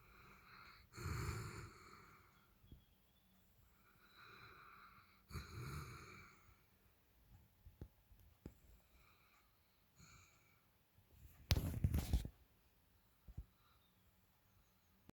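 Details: A dog asleep on the owner's bed, recently noticed snoring louder than anyone in the family: irregular snuffling breaths and snorts, with a louder snort burst near the end, in a quiet room.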